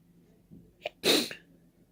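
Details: Deliberate open sneezing without a tissue, trying not to blow nose: a short indrawn breath, then one loud, explosive, wet-sounding single sneeze; sneezing.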